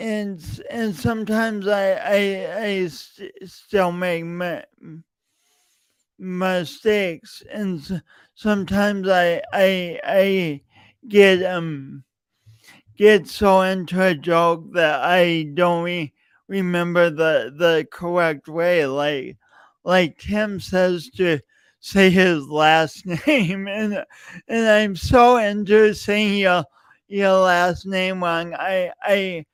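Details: Stuttering in an adult male podcast host whose speech impediment began in junior high and high school and persists; he denied it for years.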